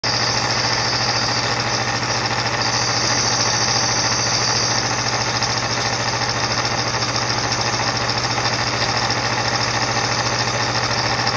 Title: Gumagamit din ba kayo neto #nebulizer #asthmatreatment #satisfyingsound #shorts